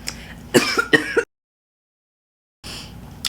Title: not that cough tryna take me put! #quintabrunson #oscars #abbott #sherylleeralph #tylerjameswilliams